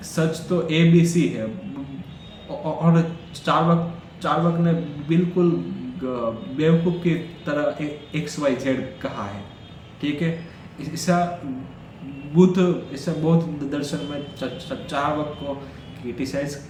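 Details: Stuttering in an adult male who stammers, Day 4 of his daily stammering practice routine, counting backwards from 100 as fast as he can.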